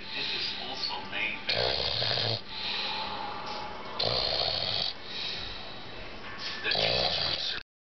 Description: my aunt was bored and cudnt sleep so she decided to record my uncle